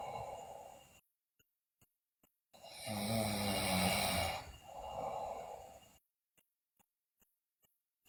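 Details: One loud, long rasping snore on a breath in, then a softer breath out, from a sleeping girl; also noted bruxism and delirium.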